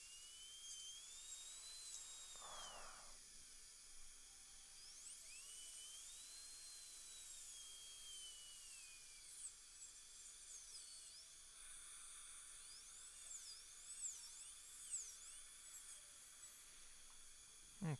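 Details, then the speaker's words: High-pitched whine of a dental handpiece rising and falling as it narrows a serrated metal hand instrument to fit into a Keystone Prima implant for broken screw retrieval, with faint room noise. "okay so what I'm going to do is just narrow the diameter of this if I can slip it in there"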